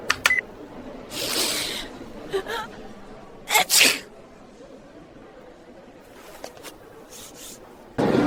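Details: AI-generated (Sora2) recording: several short hissing sneeze bursts over faint room noise, played back from an exhibit recording; simulated sneezing.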